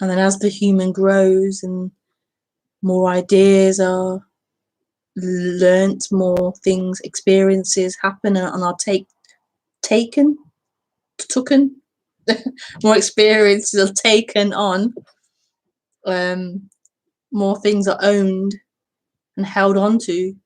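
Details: Self-reported stuttering in a female speaker, with word and part-word repetitions in live spontaneous speech.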